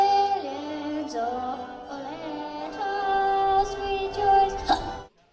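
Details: A seven-year-old boy sings Australia's national anthem at a live baseball game. His sustained melody is broken by sudden, sharp catches from the hiccups he had throughout the song.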